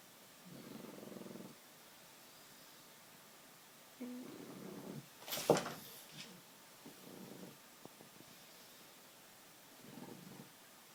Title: Snoring Pug Quentin sleeps sitting and falls